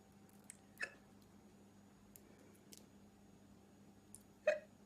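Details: Girl hiccuping: two short, sharp hiccups a few seconds apart, with faint clicks and steady room hum.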